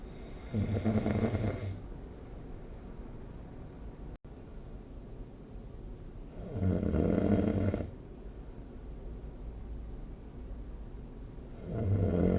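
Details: Snoring recorded with the SnoreLab app: loud, rattling snores on each in-breath about every five seconds, with quiet breathing between.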